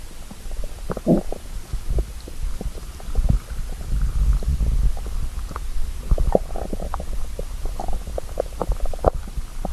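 Low rumbling gurgles and bubbling pops from the belly; ordinary stomach growling of hunger.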